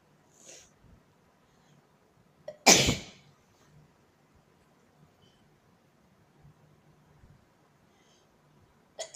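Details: Early-morning sneezing fit: a sharp, explosive sneeze after a brief catch of breath, with another starting as the clip ends.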